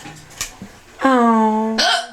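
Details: Person with recurrent hiccups, again: a short abrupt hiccup sound, then a drawn-out voiced sound ending in another sharp catch; hiccups.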